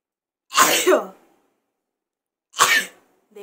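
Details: Two sharp, explosive sneezes about two seconds apart, with the start of a third at the end; sneeze.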